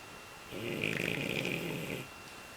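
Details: Asleep after playing outside for 2.5 hours: one long rattling snore on an in-breath, about 1.5 seconds, against steady room hum: loud snoring.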